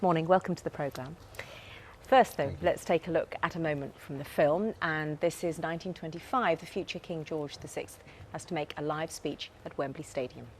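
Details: Adult female presenter; fluent speech.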